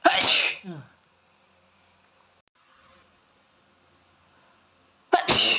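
Two forceful, explosive sneezes separated by a few seconds of near silence.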